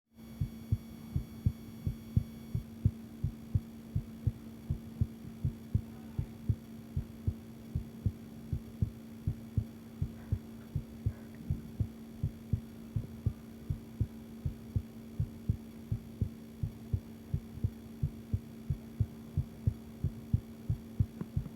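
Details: A female's own heartbeat recording: regular low heart thumps at about 81 beats per minute over a steady electrical hum, alongside a visible pulse.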